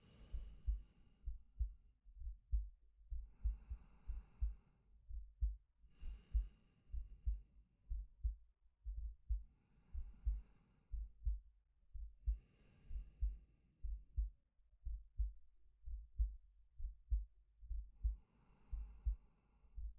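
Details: Male ASMR sleep-aid recording of normal heartbeat and breathing: steady low heart thumps at about 64 a minute with slow, soft breaths layered over them.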